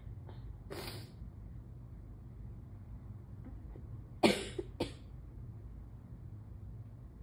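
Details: Morning allergy sneezes: a few sharp, explosive sneezes in a quiet room, each a sudden forceful burst of air.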